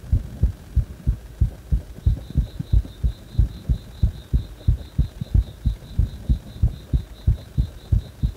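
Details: Heart that stays fast even after release from compression: a regular, fast heartbeat at roughly 90–95 a minute with a steady faint beeping tone behind it; rapid heartbeat.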